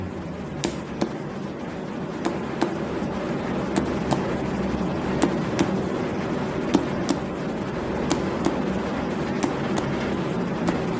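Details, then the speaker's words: Abdominal percussion along the midclavicular line from below upward for the lower liver border in an adult male patient: note changes from tympanic to dull at the liver edge. "Kemudian dari ilia ke kiri kita ambil ke atas dari suara yang awalnya timpani berubah menjadi reduk."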